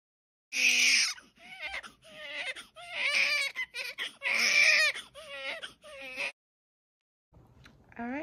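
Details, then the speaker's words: Newborn baby boy born at 7:22 a.m. in hospital after the mother's waters broke at 3:30 a.m. Repeated high, wavering cries with short breaths between. Newborn cry shortly after birth. "so he's here he was born at 7 22 a.m um i was hurting i'm still in a little bit of pain"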